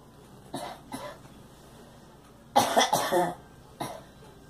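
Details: Girl coughing: several short coughs, two separate, then a louder run of about three, then one more.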